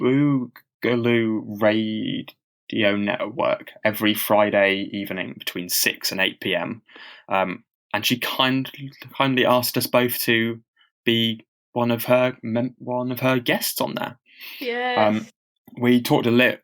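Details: Stammering in a man who stammers, speaking unscripted as a podcast co-host; he reports having really heavy blocks.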